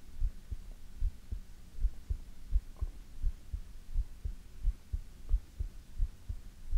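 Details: ASMR heartbeat recording: steady low heart thumps at about 85 beats a minute over a soft hum; regular, normal heartbeat.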